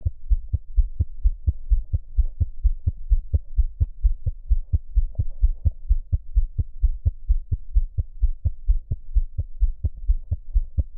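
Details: Normal newborn heart sounds: rapid, regular heartbeat about 128 a minute, faster than older children and adults, clear beats, some interspersed breath sounds, no murmur.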